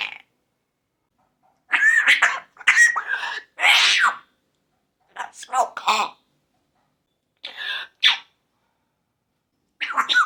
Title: Bird Coughing and Sneezing Compilation 🤣 #birds #animals #pets #funny #youtube #parrot #lol #fun